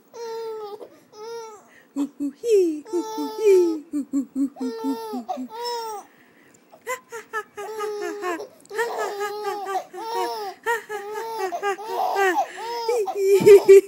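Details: An infant, reacting to an adult's funny noises, vocalizes in short bursts that shift between laughing and fussy crying, with the adult's voice and music in the background.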